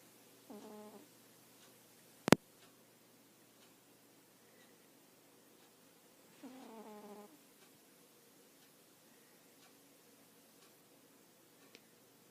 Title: Snoring cat- turn volume up high to listen